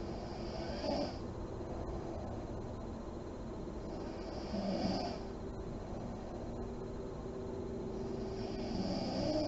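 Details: Mother asleep with the lights on, in deep REM sleep: slow, soft deep breathing with a faint snore and puffed lip-blowing exhalations about every four seconds over steady room hiss.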